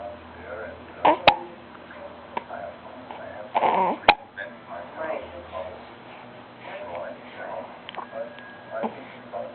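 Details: Girl with hiccups: two sharp, abrupt gulping catches a few seconds apart over quiet room sounds and faint vocal noises.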